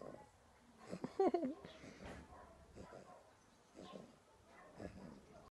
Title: Golden Retriever snoring